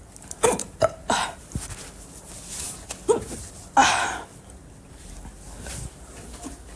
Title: Hiccups audio